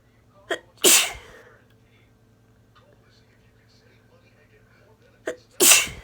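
Two loud, explosive sneezes, each preceded by a quick inward breath; sneezing with a cold.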